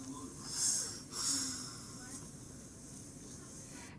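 A long, almost silent stretch with no audible breathing, then an abrupt gasp and a cry starting at the end: a breath-holding spell.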